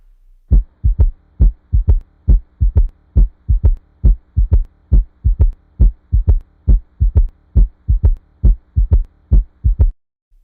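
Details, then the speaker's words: Regular heartbeat near 68 per minute, each beat followed by a soft low extra sound: a third heart sound (S3), normal under age 40 and pathological over 40. "la bonne réponse est : Le son du cœur S3 ! Cela peut être une constatation normale chez les moins de 40 ans. Chez les individus de plus de 40 ans, cela est pathologique."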